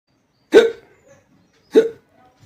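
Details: Hiccups in a man: two sharp, abrupt voiced hic catches about a second apart.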